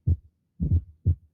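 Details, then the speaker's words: Fourth heart sound (S4): low, dull heart sounds with an extra soft thud at the end of diastole, presystolic, just before the first heart sound; teaching example. "y el cuarto ruido está al final de la diástole está"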